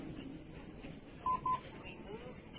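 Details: Two short, even mid-pitched alert beeps from a Lifepak 20e defibrillator in AED mode as it begins analyzing the patient's heart rhythm.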